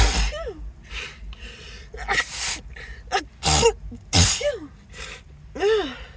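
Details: Acted sneezing fit, sneezer apologizing, saying nose tickles and wondering if allergic: repeated sneezes in quick succession, each with a sharp inhaled gasp before the burst.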